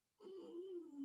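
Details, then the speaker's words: A brief, steady, whistling, wheezy breath note under a second long in a quiet room, from a sleeping animal: snoring. "sorry if you can hear rusty snoring again"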